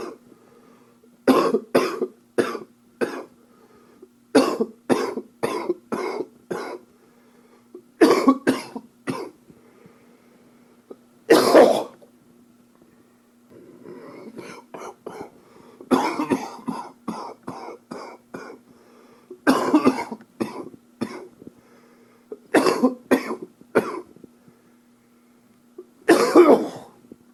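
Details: Adult coughing in repeated runs of short, harsh bursts during an upper respiratory infection.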